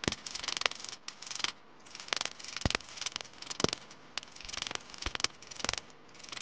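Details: First session of laser removal of a Mahadev tattoo: trains of sharp snapping clicks with short pauses, a pulsed tattoo removal laser firing on skin.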